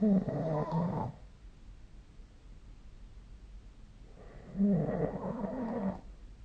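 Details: Sleeper recorded with the SnoreLab phone app: two rough, low snores about four seconds apart over quiet room noise; ordinary snoring, about 15 breaths a minute.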